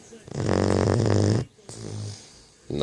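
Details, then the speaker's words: 12-week-old puppy asleep, snoring loudly: rattling snores, one long and one softer, with a brief pause; harmless puppy snoring. "That's the snore of a 12-week-old puppy. Lucy."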